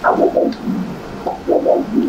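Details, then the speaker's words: Rhythmic whooshing pulsatile flow: normal arterial duplex Doppler signal from a healthy volunteer's upper-limb artery, 15 MHz probe, sample gate mid-vessel, laminar flow, peak systolic velocity 72. "we have a nice waveform for the right click in r3 with the big systemic velocity 72"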